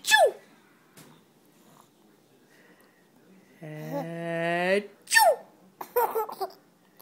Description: Mama sneezes, baby giggles!